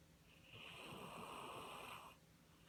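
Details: One noisy, rasping snoring breath lasting about a second and a half over low room hum; snoring.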